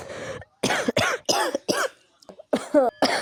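A rapid run of about seven harsh, wet-sounding adult coughs, typical of a smoker's cough.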